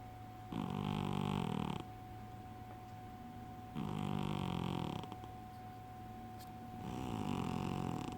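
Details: Snoring in a sleeping fat cat: three loud, rattling snores in eight seconds, each over a second long, with a steady background hum.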